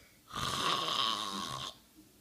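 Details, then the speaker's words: Heavy snoring from a man asleep with his hand in his pocket: a single loud, rattling, harsh inspiratory snore lasting about a second and a half, in a quiet room. "there's a dragon in here. Fire. It sounds like someone's trying to kill a pig."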